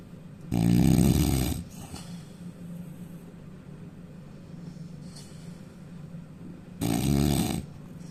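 Two loud, rough, rattling inhaled snores about six seconds apart, with quiet breathing between; loud snoring.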